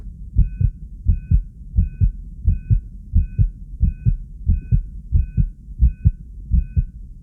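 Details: An excited subject on a 3-lead monitor: regular paired lub-dub heart sounds at about 88 beats a minute, each with a faint high beep: normal heart sounds at an excited rate.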